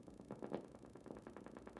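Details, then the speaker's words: Needle EMG demonstration, upper limb muscle during gentle wrist motion, needle advanced deeper: crisp repetitive popping of motor units firing steadily; sharp, normal amplitude, duration and shape; normal motor unit potentials. "there's a nice normal motor unit go a little deeper there's some more motor units nice sharp and crisp normal amplitude normal duration normal shape very good"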